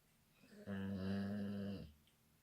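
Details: Labrador sleeping in an awkward position; single drawn-out, buzzing, tonal snore in a quiet room: dog snoring.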